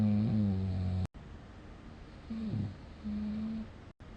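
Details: Loud, low buzzing snores with droning humming tone on inhalation, separated by quieter breathing, during sleep, recorded 2020/9/6 with snoring app score 60; snoring.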